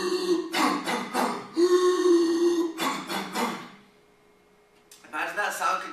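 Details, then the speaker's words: Infant with whooping cough (pertussis), struggling for air: a rapid run of coughs breaks into a long, high, strained whoop as air is dragged back in. "now I want you to imagine a little baby who got puses from a mother a brother a cousin or a family friend this little baby is struggling for air with a whooping cough that sounds like this"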